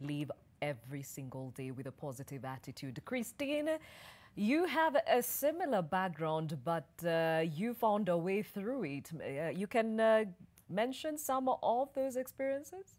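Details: Adult woman speaking; Normal fluent speech.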